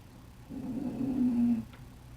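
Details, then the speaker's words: Sleeping dog snoring: a single low, rumbling snore of about one second, rising slightly in loudness, in a quiet room. "My dog is snoring very loud, or he was before, so you might hear him now and then."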